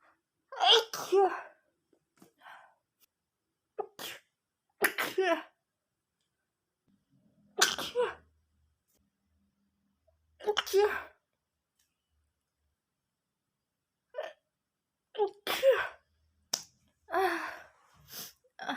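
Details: A run of repeated sharp sneezes from a girl, with short quiet gaps and some brief in-breaths before them; sneezing.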